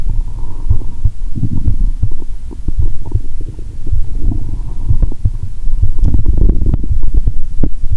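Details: Stethoscope on own abdomen; watery sounds heard even near the heart; low gurgling rumbles and bubbling pops with irregular gas-fluid bursts: active bowel sounds (borborygmi).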